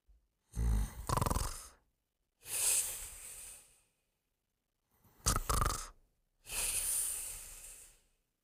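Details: Cartoon snoring from the animated Pink Panther, not a real recording: two slow cycles of a rattling inhaled snore followed by a long hissing exhale.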